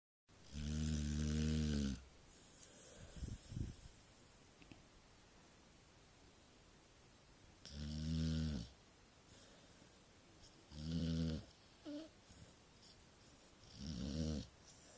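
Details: Sleeping Staffordshire dog ("stafford") snoring: loud, deep, rattling snores on each inward breath, about five over fifteen seconds, with quiet pauses between; ordinary snoring.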